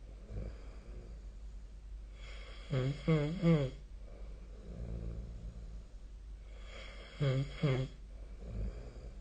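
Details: Snoring during sleep, recorded with the SnoreLab snoring app.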